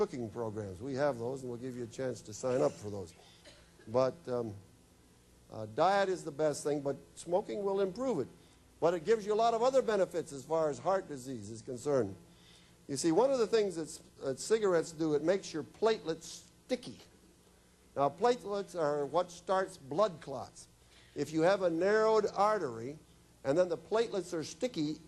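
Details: Adult male speaker; normal speech.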